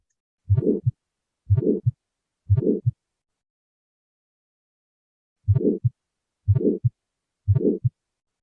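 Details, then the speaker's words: One-day-old infant after an uncomplicated delivery, normal pulse oximetry, normal S1 and single S2: systolic ejection murmur, slow regular heartbeats with a soft whooshing murmur between the first and second sounds. "okay this is again another story about an infant this is a systolic murmur I will tell you one day old infant okay uncomplicated delivery that infant is coming"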